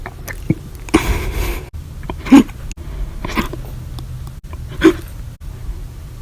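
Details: Violent, loud, silent and minute hiccups after lunch and after drinking 1 cup of soda after dinner, July 17–18, 2019, lasting hours: sharp, brief hiccup sounds roughly every one to two seconds over a steady room hum; recurring hiccups.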